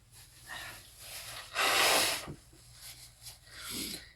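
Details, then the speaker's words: Adult blowing a runny nose with a loud, hissing nasal blast and softer sniffs and snorts, after repeatedly spraying fragrance near the nose; right nostril reported very sore; nose blowing with runny nose. "Wow, I'm going to have to blow my nose. I do apologize. Cuz it is starting to run."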